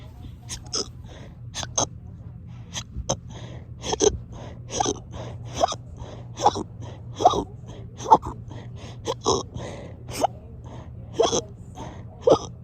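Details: Rapid, forceful, gasping hiccups repeating roughly every half second to second, about twenty in twelve seconds; persistent, frequent hiccups that have gone on for hours.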